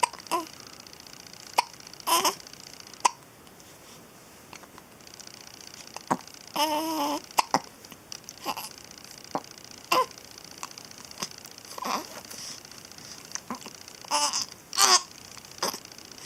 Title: Hiccups!